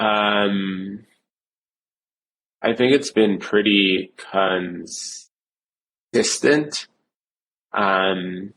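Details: Adult male who has stuttered since childhood, severe since age seven, reporting blocks, repetitions and secondary facial behaviours; stuttering.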